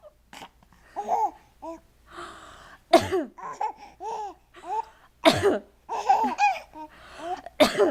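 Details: Baby coughs just before tummy time, followed by a sneeze and a laugh.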